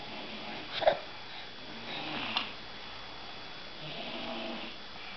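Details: Light snoring in a sleeping person: soft, rough breathing noises in a quiet room with a few faint snorts on the breaths.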